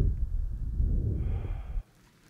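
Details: Soft, low whooshing breath without wheeze, heard through an Eko electronic stethoscope on the front of the chest; the overlaid sound is edited: normal breath sounds.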